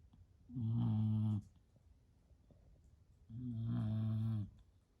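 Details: Sleeping female, not woken even by a sneeze, gives two long, low, rattling snores about three seconds apart in a quiet room: steady snoring during sleep.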